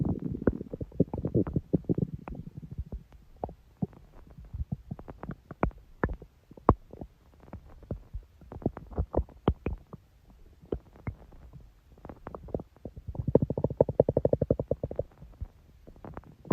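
Irregular gurgling and bubbling rumbles with rapid clicking runs, the ordinary stomach growling of gas and fluid moving through the gut.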